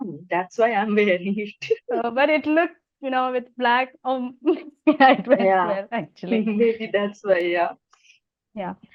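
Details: Adult host who stammers and also has hearing loss, speaking naturally while introducing a podcast guest; repetitions and fillers are audible; stammering.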